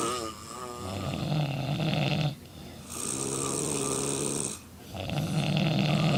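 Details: Loud, rattling snores from four sleeping women in a hotel room after drinking, overlapping in long, buzzy breaths with brief quieter gaps.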